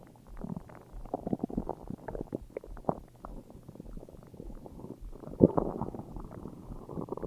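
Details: Irregular gurgling, bubbling rumbles of varying loudness throughout, ordinary stomach growling from gas and fluid moving through the gut; borborygmi.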